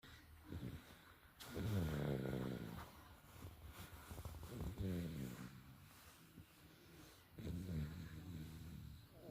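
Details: Three low, rattling snores on inhalation from a sleeping baby, at about 21 a minute with uneven spacing; snoring.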